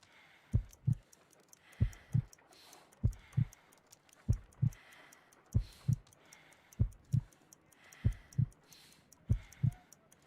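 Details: Slow, regular paired heartbeat thumps at about 48 a minute; a game sound effect, not a real patient, representing a slow heart rate.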